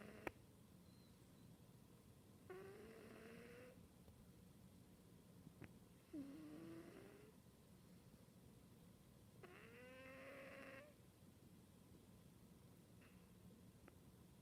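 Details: Cat Cali, who has snored since she was a kitten: soft, quiet, squeaky, fluttering snoring breaths a few seconds apart over background hiss.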